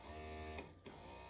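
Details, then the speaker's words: Steady low motor hum with a brief break in the suction cycle: a running Bellababy electric breast pump, in a comparison of the mini and original models for loudness when set on a table. "when it's on the table it makes a louder whining noise rather this one i'm trying to turn it on it's kind of loud too but it's not as loud even on the table still not that loud"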